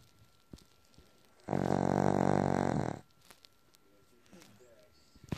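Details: A single loud, rattling, fluttering snore lasting about 1.5 seconds in a quiet room.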